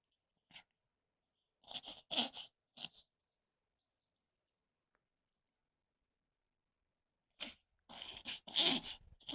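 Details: Poodle's occasional reverse sneezing, said to be common in poodles, worrying the owner when sudden: bursts of rapid, snorting inhaled noises separated by a pause; a reverse sneezing episode.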